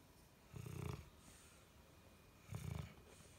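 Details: Four-year-old dog with liver degenerative disease, asleep: soft, fluttering snores about every two seconds over a quiet room hum; gentle snoring.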